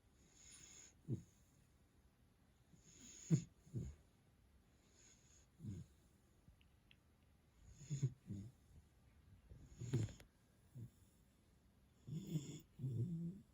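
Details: Black male Labrador Retriever puppy, three months old, snoring while asleep: soft, irregular low snorting breaths with faint hissing.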